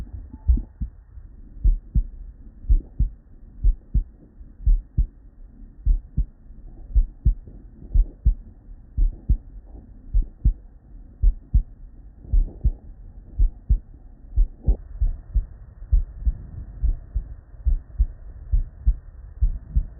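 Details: Real, unedited bedside recording of normal human heart sounds (S1 and S2) from patients with normal cardiac physiology, looped seamlessly into continuous listening.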